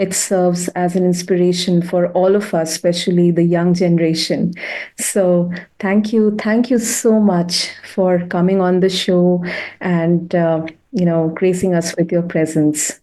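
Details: Adult woman; typical speech.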